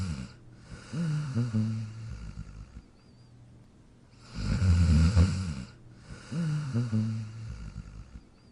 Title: Jack Sleeping & Snoring in his Dog Bed in 43 seconds Pt. 2